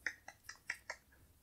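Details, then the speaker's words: Clicking from constant hand motor tics in a person with Tourette's, hands painful and bruised: four quick, sharp finger clicks in a quiet room. "even hear it in the background of my the audio of my videos that this is clicking and ticking and that's just my hands because they never stop"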